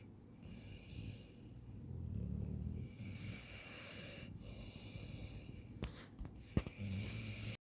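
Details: Close-up snoring of a sleeping dog, recorded right by the ear: low snuffling, rumbling breaths with a couple of sharp clicks.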